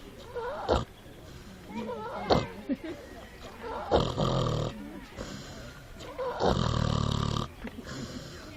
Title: Runaway pig found snoring in the woods